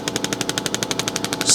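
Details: Intelect RPW 2 radial shockwave handpiece on skin with gel, intensity being adjusted, patient asked to report tender spots: fast, even, sharp tapping about twelve pulses per second from an internal magnet striking metal.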